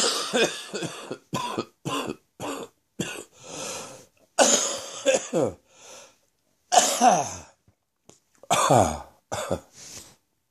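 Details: Wheezy, chesty morning cough: repeated wet, productive coughs in clusters, with whistling wheezy tones on some breaths and at the ends of coughs.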